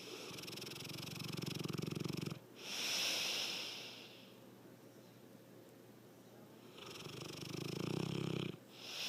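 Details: Loud snoring that gets louder over the recording: two long, rumbling inbreaths, each followed by a softer breathy outbreath, roughly seven breaths a minute.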